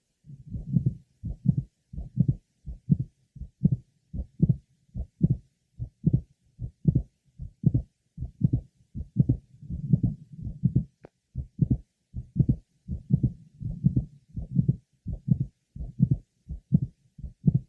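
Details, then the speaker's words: Mitral valve prolapse patient heard at the apex: regular heartbeat with a single sharp click late in systole, just before the second heart sound. "our next patient has a single systolic click that occurs in late syy just before the second sound Apex"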